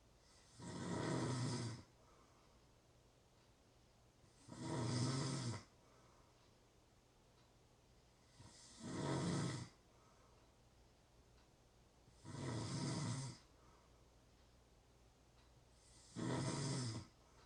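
Regular harsh snores about 15 a minute on each in-breath, with quiet pauses between; steady sleep snoring.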